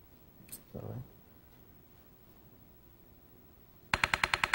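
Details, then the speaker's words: Transcranial magnetic stimulation for depression, coil on the head, felt like tapping: quiet room, then a sudden burst of sharp, rapid clicking taps, a pulse train of about four seconds with 26-second breaks. "when it hits it's like just a tapping on your head okay it goes here we go"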